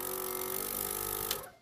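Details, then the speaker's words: Before tracheostomy suctioning, a portable suction machine is switched on and tested with a thumb over the tubing, aiming for about 130–140 on the pressure gauge: a steady motor hum with an airy hiss, then fading out. "so I'm going to turn it on and stick my thumb to suction and I'm watching the um level of pressure on the gauge over here"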